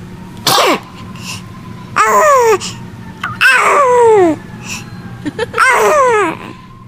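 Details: A baby sneezes amid laughter and music, with onlookers saying bless you; baby sneeze.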